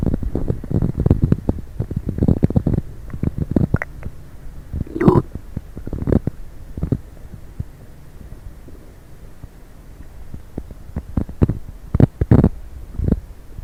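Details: Borborygmi after drinking coffee and Diet Coke: loud, low gurgling and rumbling bursts from the stomach, coming in clusters with quieter gaps.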